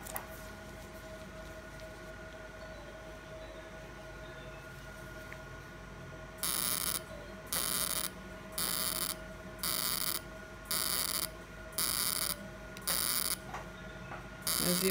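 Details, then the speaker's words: Room hum, then regular loud hissing buzz bursts about once a second as a fractional CO2 laser fires over hypertrophic and non-hypertrophic accident scars on a patient's hand after topical anesthesia and mesotherapy; fractional CO2 laser firing. "now I'm going to do co2 laser and all the star area are you comfortable good so we will cover all the star area whether hypertrophy or non hypertrophy"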